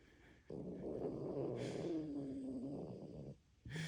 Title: My dog snoring so loud #dog #snoring